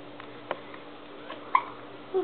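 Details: Infant with hiccups, upset by them: short, sharp hiccup sounds with a brief fussy vocal sound near the end.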